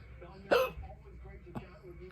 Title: New hiccups